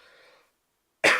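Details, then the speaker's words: A single sharp, loud cough after a faint stretch of low noise and a brief silence, from a livestream host; cough. "So I do apologize if I'm coughing or I sound a little raspy."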